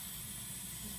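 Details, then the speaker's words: Steady airy hiss of oxygen flowing at 6 L/min through a Venturi mask on a patient during a respiratory therapy oxygen-device checkoff; high flow but not too much, and flow does not change oxygen content. "so we're going to start with six you can hear it degree have a high flow it's not too much"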